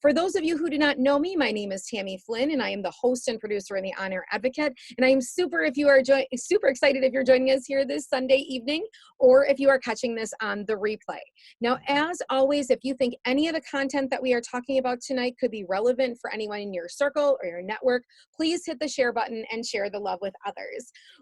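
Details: Adult woman speaking; ordinary speech.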